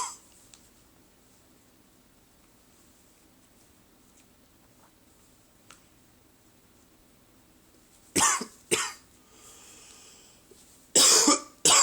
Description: Just a little first thing in the morning cough.